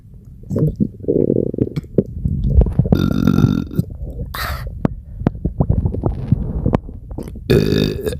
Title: Huge burps and stomachache sounds 😭😭💓💓